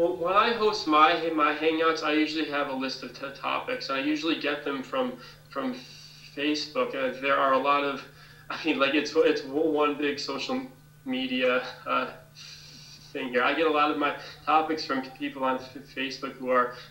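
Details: Stuttering with word repetitions in a person who stutters who hosts an online stuttering support group.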